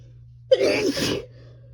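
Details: 26-year-old female sneezing in bed while high after smoking: a single sudden sneeze with a sharp in-breath, then a forceful burst of air through the nose and mouth in a quiet room.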